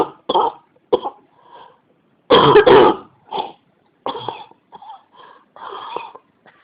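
Repeated short dry coughs and throat clearing in a quiet room, one louder harsher burst midway; an ongoing cough that keeps returning.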